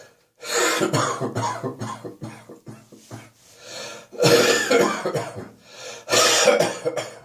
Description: I'm gonna cough around the clock tonight.